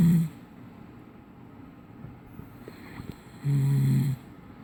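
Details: Man who denies snoring, heard from the living room: two loud, low, rumbling snores separated by a quiet pause, with faint room noise between.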